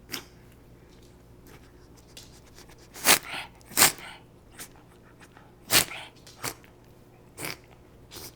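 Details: Female Beagle with bronchitis, about two days into treatment with antibiotics and antihistamines, giving about five short, harsh, dry coughs with wheezing in a quiet room: canine bronchitis cough.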